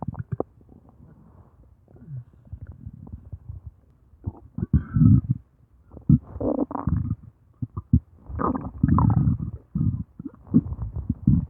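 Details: Low rumbling and gurgling from the belly in irregular waves, audio only; stomach growling (borborygmi).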